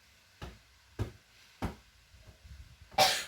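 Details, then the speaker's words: Simulated nursing demonstration of effective coughing with oxygenation: three soft thumps of back patting, the third firmer, then one strong cough to bring up sputum (about 5 ml collected as a sample). "Jadi tangan saya menepuk-nepuk punggung Mbak sebanyak tiga kali tepukan pertama saya urut ya tepukan kedua saya juga masih kayak gini tapi ketukan ketiga itu saya hanya sekali tepuk tapi agak keras"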